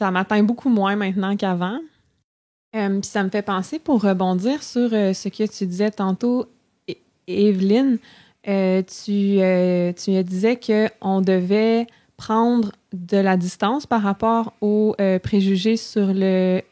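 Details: Adult woman who stutters, a speech-language pathology master's candidate, speaking French in a podcast conversation; stuttering.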